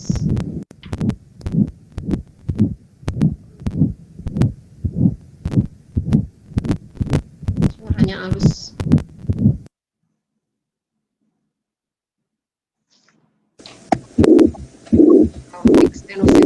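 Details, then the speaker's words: Aortic stenosis (narrowed aorta) murmur played in nursing auscultation teaching: rapid regular heartbeat about 100 a minute with a harsh rushing murmur between beats, music following. "jadi Disini yang namanya stenosis itu Ada apa ya suara penyakit tangannya di sini ada penyempitan aorta"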